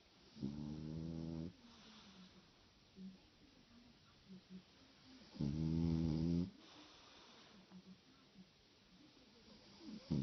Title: You realize that you love someone when you love also his/her snoring.